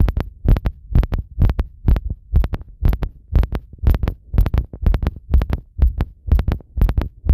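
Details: Heart sounds recorded after a hot bath with the device pressed to the chest: strong, regular lub-dub heartbeats at roughly 125 a minute.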